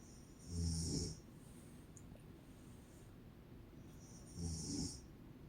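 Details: An adult woman, a mother, asleep, gives two deep, rumbling snores about four seconds apart with quiet breathing between, roughly 15 breaths a minute; ordinary snoring.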